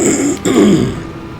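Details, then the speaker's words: A single throaty cough-like burst followed by a brief throat clear in a small room, from a person during a live-streamed racing game who then apologizes for the coughing. "Pardon me, sorry for the coughing, guys. And Laura."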